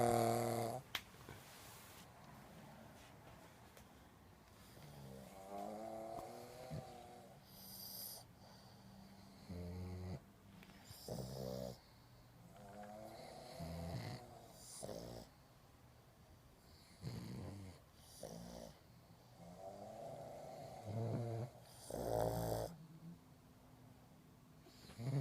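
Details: A sleeping pug snores loudly, reportedly louder than a human, with rough, fluttering bursts on repeated breaths.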